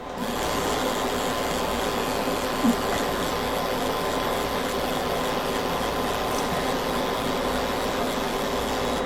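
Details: Ellman Cortex CO2 fractional laser in use during skin resurfacing on a sedated patient with corneal eye shields: continuous rasping hiss over a steady mechanical hum with one faint click. CO2 laser in operation.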